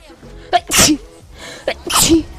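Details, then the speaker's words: A Russian-speaking live streamer sneezing twice in quick succession, each sneeze a sharp intake followed by a forceful hissing burst. "Ой, я чихал. Фи, мы отступаем."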